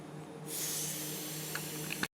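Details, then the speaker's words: Blood pressure taken by auscultation with a stethoscope on an adult, reading 138/98 with an imperfectly sized cuff: a steady hiss of air as the cuff deflates at an even, correct rate. "see how the needles still falling but my patient would be getting in more and more pain as this goes and would likely have an incorrect blood pressure reading so we really want that needle to just fall steadily sort of like that"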